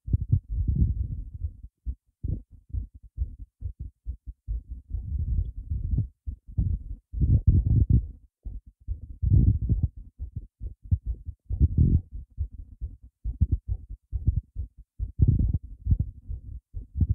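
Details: Racing heartbeat after being startled: fast, muffled low thumps in quick succession, roughly 120 a minute, with faint room hum.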